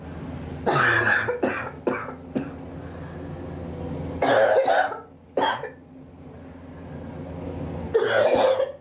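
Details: Persistent cough over recent weeks, suspected but unconfirmed bronchitis, with chest x-ray planned to check for pneumonia; several harsh, rough coughs in bursts, some paired, with pauses between.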